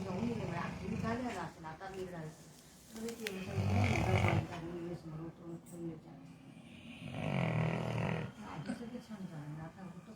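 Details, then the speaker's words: Low rattling snores from Murphy, a sleeping dog, with quiet talk in the background during a live broadcast; ordinary snoring. "दोस्तो कुत्ते को अपने घूरते हुए मतलब खराटे लेते हुए बहुत कम सुनाया देखा होगा यह देख लीजिए आप स्लीपिंग सो नाइसली"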